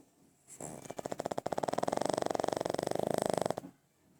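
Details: Sleeping pug snoring: a single fluttering, rattling snore lasting about three seconds, with rapid vibration through the airway soft tissues while asleep.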